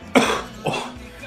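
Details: Coughing fit after smoking: two harsh, forceful coughs in quick succession, with faint music behind.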